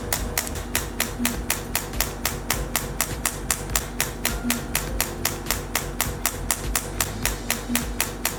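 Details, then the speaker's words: Radial shockwave therapy (ESWT) handpiece firing on gel-coated skin over the trapezius muscles: rapid, regular sharp clicking pulses, about four per second, with background music. "The operating head is close to the skin of the operating area. Tap the switch on the handle."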